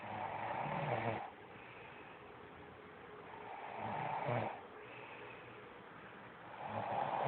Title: Girlfriend snoring...